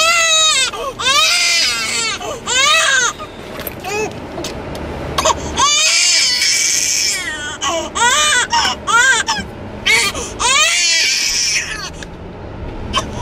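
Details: A newborn girl strapped in a car seat during a car trip, upset at being thrown off schedule, gives repeated rising-and-falling wails with short pauses over road noise; ordinary fussy infant crying.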